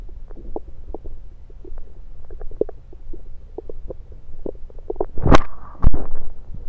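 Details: Bowel sounds through a stethoscope moved around the belly (10/16/23), recorded mainly to show stethoscope placement: frequent gurgling clicks and pops, with a couple of louder rubbing bumps near the end.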